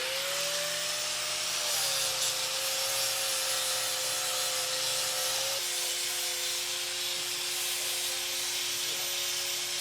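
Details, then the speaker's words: Bull with a swollen foot, soft-tissue infection treated with antibiotics, joint infection feared: steady high grinding whine with a rough scraping hiss as a power grinder evens his very wide hoof edges before a hoof block. "right now I'm going to just I'm going to prep the hoof for the uh for the hoof block okay we're putting it on this one so basically we're going to just kind of freshen the edges up and"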